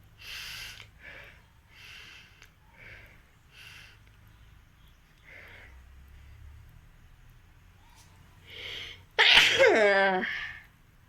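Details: Acted sneezes in a sneezing and nose-blowing challenge: repeated light, hissing sneeze-like bursts, then one loud full sneeze with a trailing voiced cry; performed sneezing.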